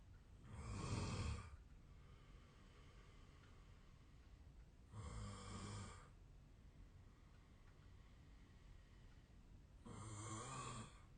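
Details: Real self-recorded sleep audio from 8 years earlier, when the snorer was thinner; the snorer suspects a long-standing sleep disorder. Three loud, rattling snores about five seconds apart, near 12 a minute, over steady room hiss; heavy snoring.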